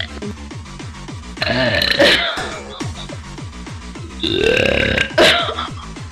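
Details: Girl, stated as genuine and not faked, producing two long, loud, drawn-out burps over a steady electronic music beat; burping.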